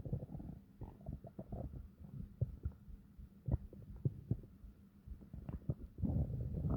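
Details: Long, deep stomach growls: deep, low, prolonged growling with bubbly pops and faint hum; ordinary borborygmi from gut movement.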